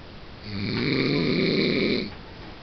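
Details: Adult husband who denies that he snores, filmed while asleep: one long, rough, rattling snore on the in-breath lasting about 1.5 seconds, with quiet room noise; snoring.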